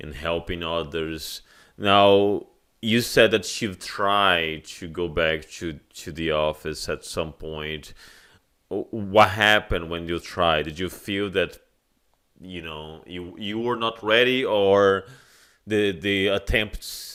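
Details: Adult male speaker; ordinary speech.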